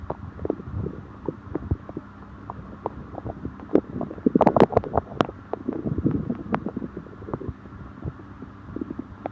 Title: Stomach upset after eating (stomach growling)